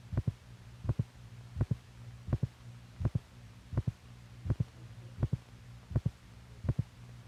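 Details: Old, possibly 1950s, teaching film made for doctors recording heartbeats with heart motion: steady paired thumps about 83 a minute over a low hum, normal first and second heart sounds.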